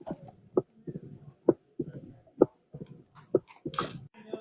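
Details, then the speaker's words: Mitral stenosis with opening snap: regular heart sounds near 65 a minute with a sharp early diastolic snap; heart sound quiz recording. "Mel stenosis you're right 10 out of 10 10 out of 10 he had the opening snap down"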